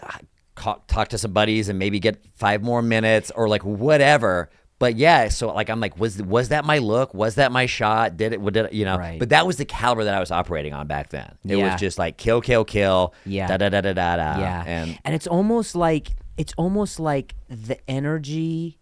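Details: Adult male speaker in conversation; typical speech.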